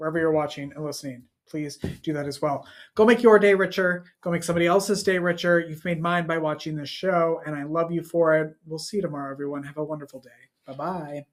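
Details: Adult man speaking; normal speech.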